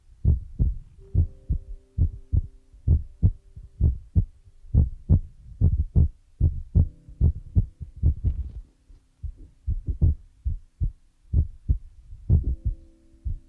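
Steady low thumping heartbeat, about 70 beats a minute, with faint soft tones layered over it.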